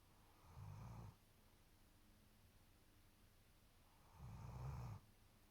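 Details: German Shepherd dog snoring loudly in sleep: two deep, rumbling, low-pitched snores about four seconds apart, with quiet pauses between.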